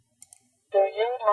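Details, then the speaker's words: Cochlear implant sound simulation: two faint clicks, then a buzzy, tonal, metallic-sounding word fragment from "Do you like camping?". The speech is processed to match a patient's implant sound quality, and the patient said a bit more metallic sound was needed. "There seems to be just a a bit more of a metallic sound to the CI."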